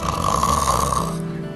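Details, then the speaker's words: Loud, harsh, rattling snore over background music in a child with obstructive sleep apnea; enlarged, nearly touching tonsils vibrate as air passes the narrow airway, with oxygen drops during sleep. "kaya kaya malakas ang hilik niya kasi pagdaan ng hangin sa maliit na butas na iyon mag-vibrate yung tonsil niya yung snoring sound na kinik niya"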